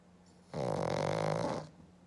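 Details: Sleeping black pug: a single long, buzzing, rattling snore lasting about a second; typical flat-faced dog snoring.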